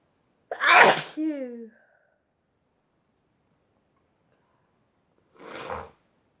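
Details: Chinkini sneeze fit: an explosive sneeze with a brief squeaky sound right after, then a second, softer sneeze a few seconds later; a bout of repeated sneezing.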